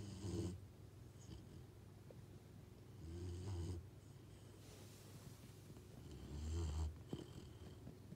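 Soft, low rumbling snores recurring about every three seconds with quiet breathing between; ordinary snoring of a sleeping animal.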